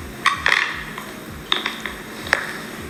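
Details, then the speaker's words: Sleeping person recorded at night with jaw movements: sharp, gritty scraping and clicking bursts of teeth grinding, characteristic sleep bruxism. "Si tú puedes ver el movimiento que ya realiza cierto con la mandíbula y el ruido que ella realiza o sea ahí no hay discusión claramente ya no hay discusión"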